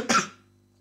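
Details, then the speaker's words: A single short, sharp cough from an adult French-speaking presenter during a talk, who then apologizes for coughing a bit. "désolé je tousse un peu mais comme toujours sur ma voix"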